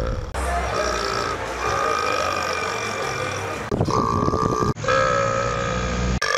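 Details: Long, drawn-out belching sounds with a steady pitch, broken by brief pauses; repeated burps.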